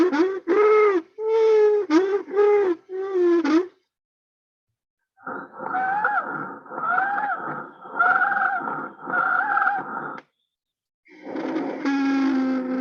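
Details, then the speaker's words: Harsh, high-pitched musical breath noises in repeated bursts on auscultation: stridor, described as turbulent airflow from an airway obstruction. "el exterior es por alguna obstrucción algo está obstruyendo y hace que el aire que pasa hacia los pulmones y sale de los pulmones salga en turbulencia sin sal en un aire en forma de turbulencia y eso lo que genera ese sonido estridor"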